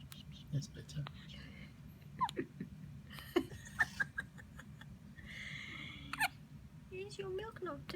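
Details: Newborn baby boy in the NICU: repeated short, abrupt gulping hiccup catches with quiet adult talk nearby; newborn hiccups.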